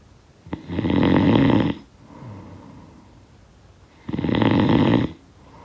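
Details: Snoring sound-effect recording: two loud, rough, rattling snores on the in-breath with quieter breathing out between them; snoring during sleep.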